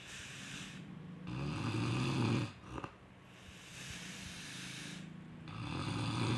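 Loud, rough, rumbling snores on each in-breath, with a quieter snort-like breath between them; typical snoring.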